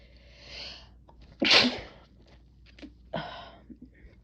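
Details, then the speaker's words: Single sharp, explosive sneeze after a brief breathy build-up, then a softer sniff; adult sneezing from intense nasal tickle induced by a chhinkni (nasal irritant), some stifled. "It's such an intense and strong tickle. I'm gonna I haven't even put the cap on yet. Oh. I'm trying to stifle a few. Kind of a mess."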